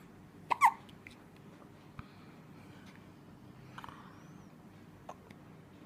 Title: Baby hiccups ( bayi cegukan)